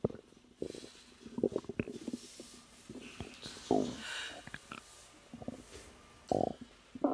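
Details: Stomach growling in a woman three months pregnant while relaxing: irregular gurgling, bubbling and squeaky rumbles, normal bowel sounds (borborygmi) of digestion.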